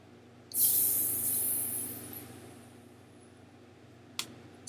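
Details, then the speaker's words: Sudden rush of air fading over about two seconds, then a click, as a manual blood pressure cuff is deflated by turning the bulb valve left, during a blood pressure check demonstration. "the rule of thumb is righty tighty lefty loosey so we want to turn this valve all the way right until we can't anymore and that's going to prevent the air from coming out of the cuff as we start to inflate it turning it left is going to let the air out"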